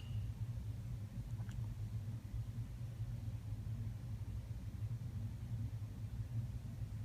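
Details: One-year-old male cat purrs very loudly while opening and closing his mouth, which changes the pitch; as a kitten he did not meow for a long time and first only squeaked; owner suspects kittenhood vocal cord damage; abnormal open-mouth purring.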